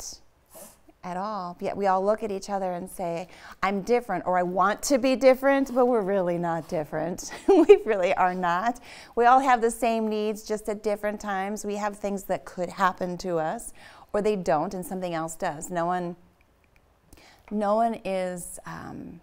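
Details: Adult woman speaking; ordinary speech.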